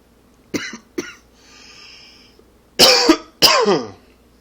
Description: Allergy / smoking cough.